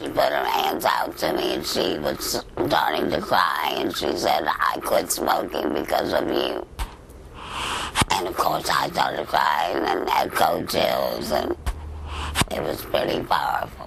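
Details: Adult woman, a former smoker of 23 years, with laryngeal cancer treated by total laryngectomy; she speaks with a hands-free device; alaryngeal speech after total laryngectomy.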